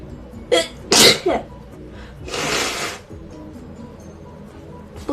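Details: A young Chinese woman with allergic rhinitis (diagnosed at hospital), nose itching, gives one sharp, wet sneeze after quick catching breaths, then a long breathy exhale or sniff.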